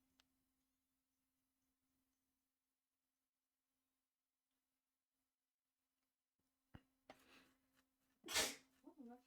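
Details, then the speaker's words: Single sneeze during a live gameplay stream: a short intake of breath, then a sharp, explosive burst with faint sounds trailing after; sneeze. "I think they did hear that. Yo, that sneeze was crazy."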